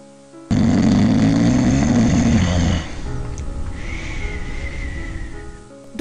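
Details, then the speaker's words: Loud, low, rattling snore over music, then quieter noisy breathing; snoring during sleep, from partial airway blockage and vibration of the soft palate and uvula. "afecta a muchas personas durante el sueño muchas veces las personas ni siquiera se dan cuenta de que roncan"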